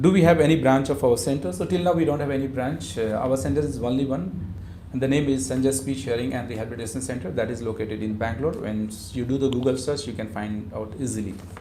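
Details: Adult male speaker; Normal speech.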